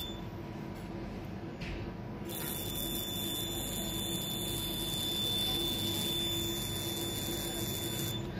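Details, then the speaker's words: Rapid, steady electronic buzzing pulses over room hum with a high whine; a CO2 fractional laser firing on the face at a patient-specific energy setting, for pores, scars and wrinkles, in an aesthetics clinic. "आप close एक ू दिखाए इनका ये य पर आप दिखाए फल इसलिए कहते हैं कि फक्शन ऑफ लेजर बहुत छोटे छोटे आपको स्प नजर आ रहे"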